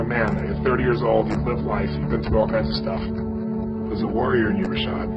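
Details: Adult man; Plain speech.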